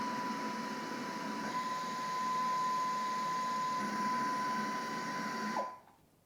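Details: Pegaso E7C cough assist device running its cycle in cough assist mode on battery, not connected to a patient: steady airflow hum with a continuous beep tone that cuts off sharply at the end.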